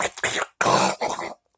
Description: Coughs suck... I'm sick.. wish me luck